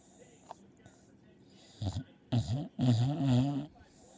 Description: Remi sawing logs!